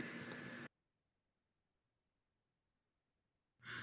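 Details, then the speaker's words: Biot's breathing played in a vital-signs lecture, pattern linked to brain injury inhibiting the respiratory centre: a breath, about three seconds of silence, then abrupt resumption; irregular breathing with apnea episodes. "Ya ahí tenemos es una respiración irregular con episodios de apnia. Avnia significa que el paciente no respira."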